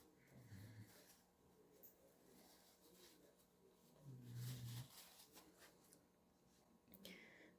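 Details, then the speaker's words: Dog on prolonged bed rest snoring: two low, rough, rumbling snores about four seconds apart in a quiet room with faint handling noises. "don't mind that noise that's actually my dog snoring he's been on bed rest for a while so he's going insane"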